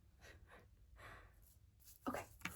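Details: Simulated ASMR chiropractor role-play: soft breathy panting, then two sharper gasping breaths in a quiet room as back cracking begins; acted, not real.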